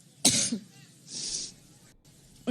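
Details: A woman has a violent coughing spell while speaking at a Cleveland rally, a sharp, harsh cough, a breathy inhale, then another cough starting; she attributes it to an allergic reaction.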